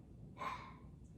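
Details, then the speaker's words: Single short, harsh, honking cough from an old dog with a heart murmur, heard over low room noise; owner says he coughs and sounds like an old man. "sorry it sounds like an old man right well he is an old man but he has a heart murmurs or he coughs"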